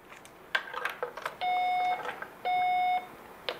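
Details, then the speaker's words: REM calibration of an old Valleylab Force FX electrosurgical unit with test resistors: clicks of handling, then two steady half-second alarm tones, a red alarm at 137 ohms. "can see I'm getting a red alarm that one is actually one hundred and thirty seven ohms"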